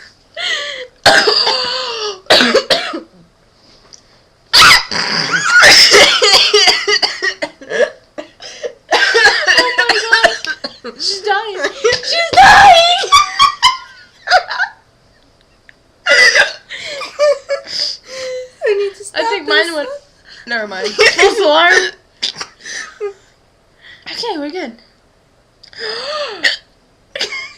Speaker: we both got hiccups oh my God okay I think I'm good I'm not I'm good no I'm not stop body bad girl bad